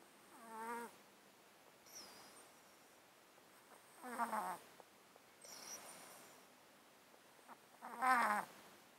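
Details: Close-up mic recording of a cat sleeping in a box, with a 13-year underlying disease causing constant snottiness and sneezing: slow, wet, snuffly breaths with nasal rattling, about 15 a minute. Congested breathing.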